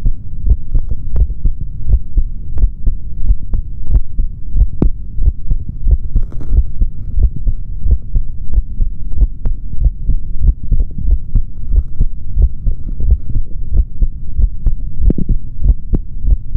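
Steady low thumping heartbeat through a stethoscope, roughly 90 beats a minute, with a faint hum behind it; a normal heartbeat.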